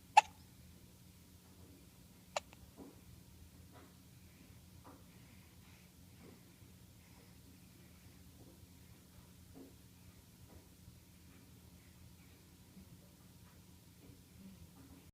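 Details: Hiccups: two sharp hiccup clicks early on, then faint, soft repeated catches about once a second in a quiet room.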